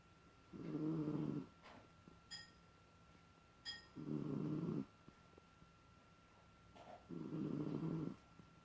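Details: Small dog asleep, giving three slow, rumbling snores a few seconds apart with quieter breaths between; ordinary snoring.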